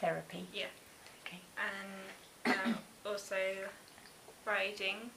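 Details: 19-year-old male with Broca's aphasia after a stroke, producing agrammatic short phrases; Broca's aphasia.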